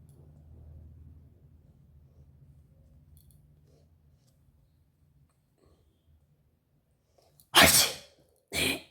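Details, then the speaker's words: Sneezing challenge: woman sniffing spice powders (cumin/jeera powder) to provoke sneezing; after a quiet stretch one forceful sneeze bursts out, followed by a shorter second expulsion; ordinary sneeze, eyes watering afterwards. "आया एक आया guys एक आया धीरे धीरे आ रहा है बस एक एक करके आ रहा है"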